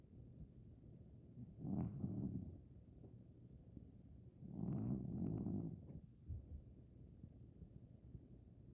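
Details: Maine Coon cat over 15 years old, sleeping and dreaming, gives two soft, low, fluttering snores a few seconds apart with a rattling quality: snoring.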